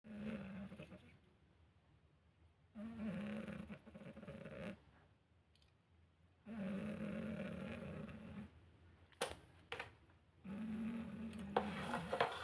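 Loud, rough, rattling snores recur about every four seconds, roughly 15 breaths a minute, with quiet exhalations between; ordinary snoring.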